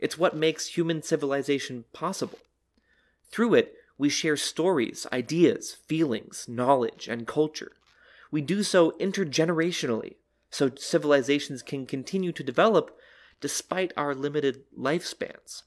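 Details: Adult speaker; normal speech.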